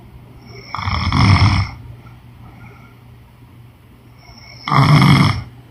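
Two loud, rough snores on inhalation, separated by a few seconds of quiet breathing.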